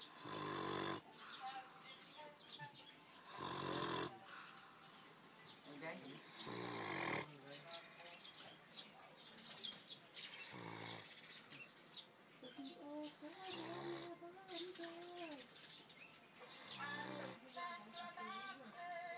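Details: A sleeping dog snoring: snorting, snoring breaths several seconds apart over room noise, with chirping in the background.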